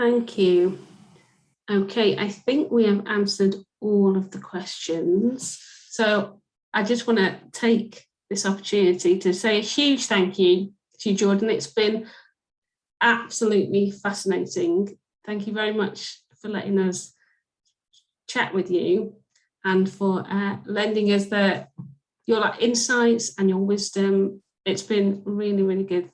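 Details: Adult woman speaking; fluent speech.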